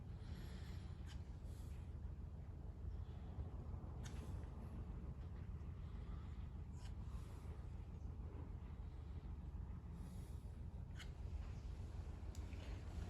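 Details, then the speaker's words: Rhonchi ("gorgoteo") during lung auscultation: loud, continuous, harsh, hoarse, low-pitched sounds, best heard on inspiration and changed by coughing, over the trachea, bronchi and most lung fields; coarse rumbling with a few clicks. "El gorgoteo son sonidos fuertes, continuos, ásperos, roncos y graves. Estos se escuchan mejor en la inspiración y se modifican con la tos, y se localizan en la tráquea, bronquios y en la mayoría de la región pulmonar."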